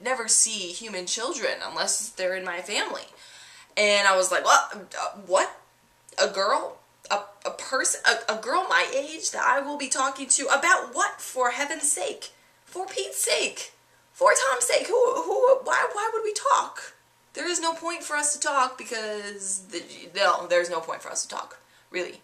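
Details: Adult woman whose stuttering began at about age seven or eight and who had speech therapy as a child; audible word and part-word repetitions; stuttering.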